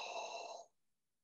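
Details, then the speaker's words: Low huff cough, an open-mouth airway clearance technique for cystic fibrosis demonstrated by a respiratory therapist: a single soft, breathy huff of about half a second that moves air in bulk rather than with force. "do you hear the difference basically what you see here is not so much force but a movement of air in bulk up the airways i'll do one more that's what we call a low huff"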